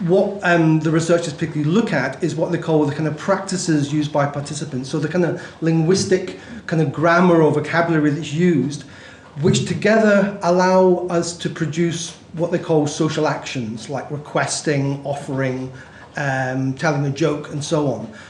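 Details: Adult male speaker; normal speech.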